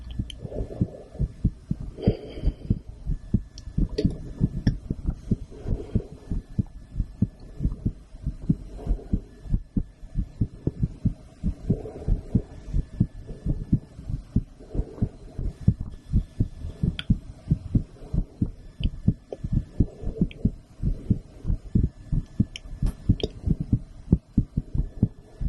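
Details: Adult female's own heartbeat recorded with a stethoscope after a blood draw, steady paired low thumps at roughly 90 beats a minute, with faint hum and rustle.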